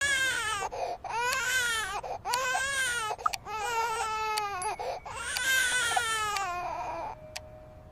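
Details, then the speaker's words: Intense, inconsolable infant crying. "Today, we're going to uncover the deeply reassuring science behind your baby's most intense, inconsolable crying."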